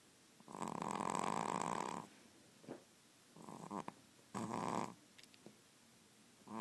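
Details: Lucy, a 16-week-old, snoring while asleep.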